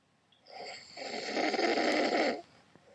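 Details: Ordinary snoring in a sleeping adult man (husband): one loud, rough, fluttering snore on the in-breath, building over about two seconds.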